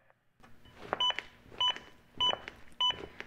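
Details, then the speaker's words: Zoll AED Plus training demo on a manikin: steady high beeps at about 100 a minute from the adaptive metronome, which monitors chest compressions and prompts speeding up to at least 100 per minute; compression thumps audible. "the beeps act as an Adaptive metronome that monitors my compressions and tries to speed them up to at least 100 per minute"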